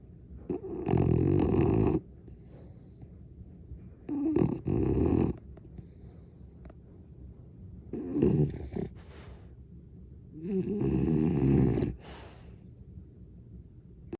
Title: Snoring Bulldog Harley Rose is passed out @Harleythebarkingbulldog